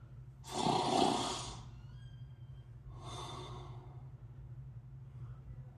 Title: Real snoring noise from USS Midway San Diego and what it was like in tight quarters onboard.